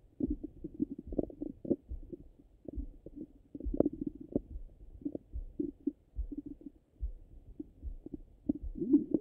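Irregular gurgles, pops and low rumbles through a stethoscope on the abdomen: active bowel sounds, normal gut movement.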